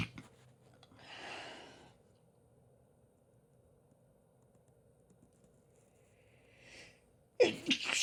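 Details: Female sneezing fit: a run of sharp, explosive sneezes with quiet pauses between them.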